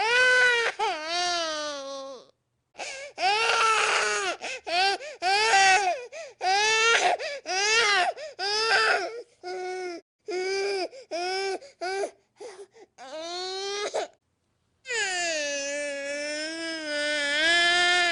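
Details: Infant crying in repeated wailing bursts separated by brief pauses for breath.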